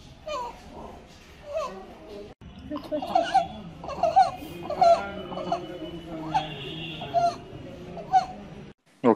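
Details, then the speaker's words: Sleeping 1.5-month-old infant, likely in hospital, whose breaths carry a high squeaky crowing noise on inspiration: inspiratory stridor from laryngomalacia. "but I would like to check on there is a noise while he is breathin"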